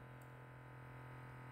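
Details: Silvercrest SBM 69 fully automatic oscillometric upper-arm blood pressure monitor, cuff at the elbow, person calm during a self-test: steady low motor hum as the cuff inflates.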